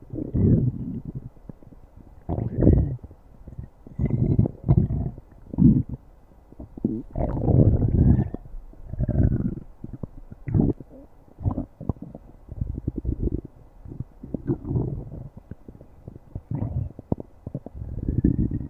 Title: stomach growling